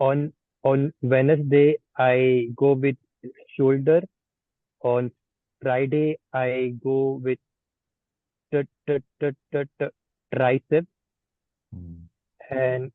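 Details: Participant in an online stammering practice group practising the pull-out and cancellation techniques, with audible repetitions; stuttering.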